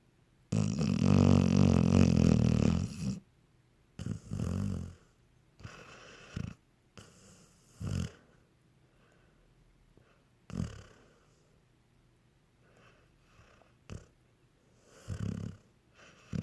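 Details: Sleeping dog gives a long, loud rumbling snore, then shorter snorting breaths at irregular intervals; ordinary snoring.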